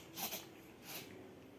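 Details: Sick cat (tags also say kitten) with cough and cold, blamed on lack of rest, gives two quick, hissy snort-like nasal sneezes consistent with an upper respiratory infection.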